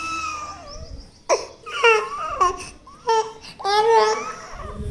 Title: little child has a cough and cold #ill #cough #cold #crying #cry #dailyvlog #dailyshorts 25-05-25